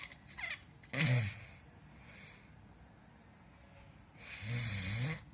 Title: Snoring Captured - TBI Takeover 2018